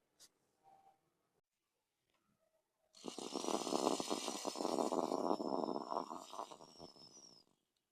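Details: Demonstration of Rotahaler dry powder inhaler use for asthma or COPD with a Rotacap capsule: after full exhalation and a pause, a quick deep inhalation with rattling air and powder lasting about four seconds, correct technique.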